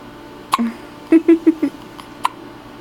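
Short, abrupt voiced catches in a quick cluster over a faint steady background hum, fitting hiccups.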